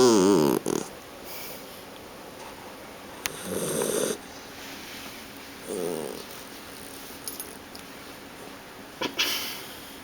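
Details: Guide dog puppy snoring while asleep on a person's leg: soft, short snores on breaths a few seconds apart, with brief handling noises.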